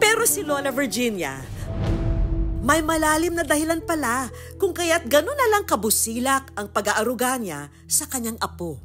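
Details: Adult woman narrator; ordinary speech.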